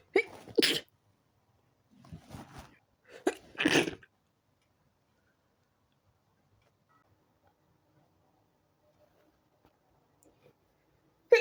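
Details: Person in bed trying to sleep, fit began after turning onto other side; three sharp sneezes with quick in-breaths, quiet, then another burst starting: sneezing fit.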